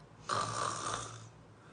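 A single rough, rattling inhaled snore of about one second, imitated on purpose as a demonstration.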